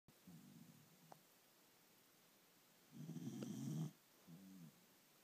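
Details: Rocket snoring: a few low, rattling snores with breathing and one louder, snort-like snore in the middle.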